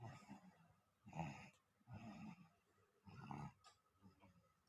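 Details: A sleeping dog snores during an afternoon nap: low, rough snoring bursts, roughly one every two seconds. Ordinary nap snoring.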